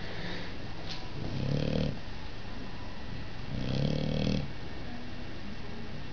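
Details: Sleeping lilac dilute male dog snoring: two low, rumbling snores about two seconds apart over steady background hiss.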